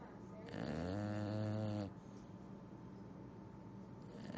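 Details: English Bulldog snoring while asleep, tired after exploring and eating ice.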